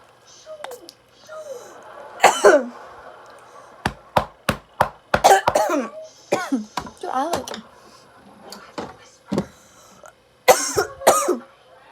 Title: I js can’t stop coughing